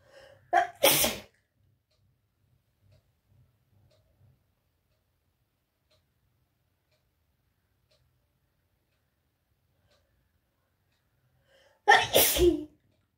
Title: Wet and snotty sneezes!